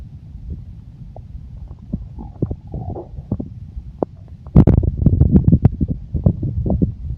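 Low gurgles and bubbling rumbles that grow louder halfway through: stomach growling, normal bowel sounds.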